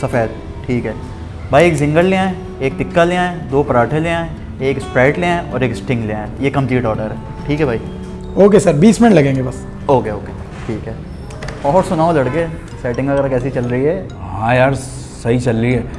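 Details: Adult men in an acted comedy sketch; normal speech.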